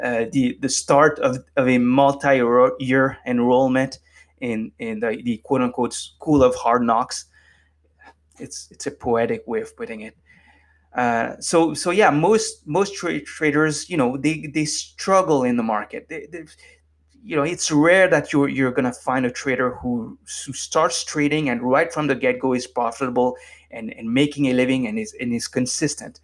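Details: Adult man with lifelong stuttering, formerly severe, now managed with meditation so it is barely audible; stuttering.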